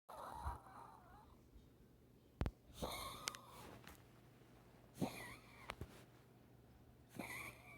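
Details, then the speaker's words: Dog with a breathing problem, mouth being opened, not really able to breathe: irregular noisy snorting breaths with wheezy whistling tones in a quiet room; labored breathing. "Open your mouth. There we go. He's not really able to breathe."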